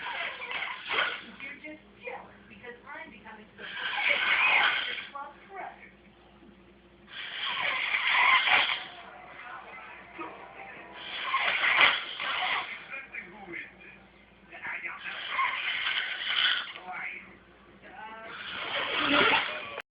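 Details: Snoring: rhythmic, rasping snores at about 17 a minute, alternating with quieter breathing.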